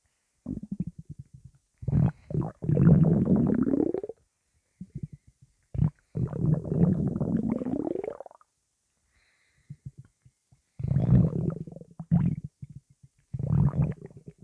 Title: Angry intense stomach rumbling